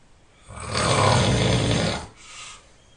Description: My snoring is relentless ... nothing could stop me.